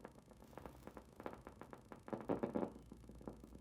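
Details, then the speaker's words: Needle EMG of an upper-limb muscle during gentle wrist extension: crisp pops repeating at a steady rhythm from thin motor units; normal motor unit potentials of normal amplitude, shape and duration. "so i'm getting some nice nice very thin motor units there normal amplitude normal shape normal duration"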